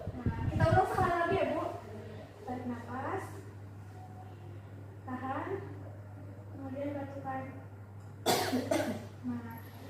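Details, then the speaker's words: Simulated nursing practical (role-play) of the effective cough technique in a female patient: brief instruction, deep breath held 2 seconds, then about two forceful voluntary coughs to clear sputum, which is then expelled. "Nah, untuk yang terakhir, ibu batukan, tarik napas, tahan 2 detik, batukan."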